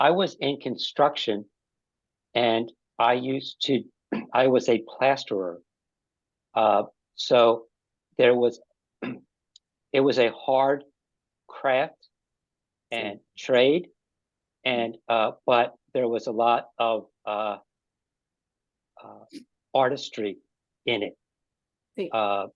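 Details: Adult man with aphasia after an ischemic stroke five years earlier, linked to a heart attack; aphasia.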